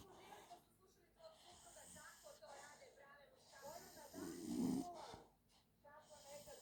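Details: Snoring during sleep: rough, rattling snores with irregular snorts, mixed with some background voices.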